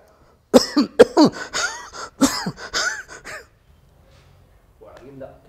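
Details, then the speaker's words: An adult actor's practised imitation of a wheezy cough (ಗೂರಲ್ ಕೆಮ್ಮು) for a film character, with a whistle rehearsed into the cough: a run of harsh coughs and throat clearing with a whistling, wheezy edge. "ಇವರು ಆ ಗೂರಲ್ ಕೆಮ್ಮು ಬಂದ್ರೆ ಹೆಂಗೆ ಕೆಮ್ಮುತ್ತಾರೆ ಅದು sound ಹೆಂಗೆ ಬರುತ್ತೆ ಅನ್ನೋದು ಅಭ್ಯಾಸ ಮಾಡಿಕೊಂಡು ಬಂದುಬಿಟ್ಟಿದ್ದಾರೆ"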